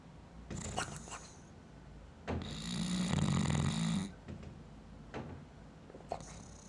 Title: Porkchop snoring